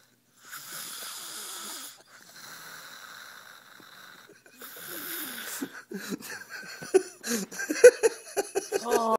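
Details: Young boy (son) snoring while asleep: noisy whistling, rattling breaths that become irregular and gurgling toward the end.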